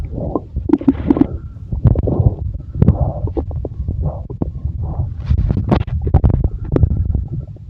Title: Sound stomach growl and chest rub